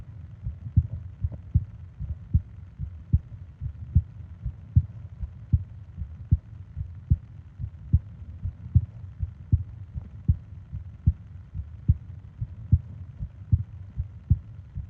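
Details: Sleep ASMR heartbeat and breathing recording: steady low heart thumps roughly 70 a minute with soft background hiss; normal heartbeat.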